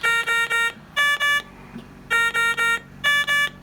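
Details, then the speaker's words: A ventilator's high-priority alarm triggered by disconnecting the circuit: repeating bursts of loud electronic tones in groups of three and two. The ventilator has a three-tiered alarm system. "it seems like everything's a high priority alarm on this ventilator when you have a high priority alarm sounding it sounds like this"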